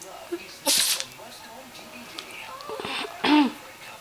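Two sharp, explosive bursts of air with a brief voiced intake, typical sneezes, over a quiet room.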